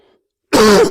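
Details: Adult man just back from a trip, feeling under the weather with a rough voice; after a brief silence, a single loud, rough throat clear lasting under half a second: throat clearing.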